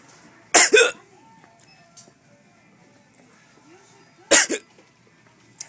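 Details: Person who regularly coughs when hiccuping: two abrupt double bursts, each a sharp catch followed by a short cough, several seconds apart; hiccups combined with coughing.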